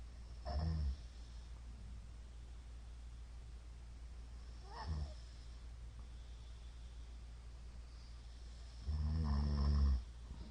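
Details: A middle-aged man's snoring, recorded 2022-02-23: three loud, low, rattling snores with long silent gaps; the uploader suspects sleep apnea syndrome from the number of shallow hypopneas; snoring with suspected obstructive sleep apnea.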